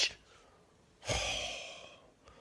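One loud, airy breath that fades slowly after a brief hiss, performed in a comedy sketch about snoring.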